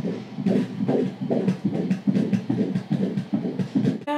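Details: Rapid rhythmic whooshing pulses at about 140 a minute, a fetal heartbeat on ultrasound Doppler during a pregnancy scan of the fifth baby.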